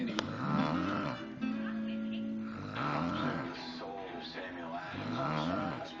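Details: An adult woman (an aunt) snoring: loud, rattling snores repeating during sleep, with music playing in the background.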